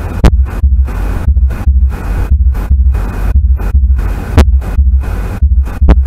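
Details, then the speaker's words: Teaching clip: regular lub-dub heart sounds at about 58 a minute, with mitral and tricuspid closure heard as a single S1, followed by S2; normal first and second heart sounds. "فيعطيني single heart sound اللي هو الاس 1. خلينا نشوف هذا المقطع حتى قدرنا تاخذ على الفيرست هارت ساوند وحتى كذلك السكند هارت ساوند هنا موجود وياه."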